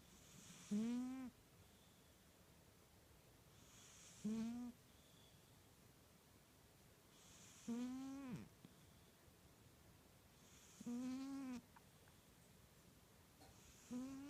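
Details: Snoring from a sleeping cat, described as violent: loud rhythmic snores, about 17 a minute, each a rising buzzy rattle on the in-breath with quiet pauses between.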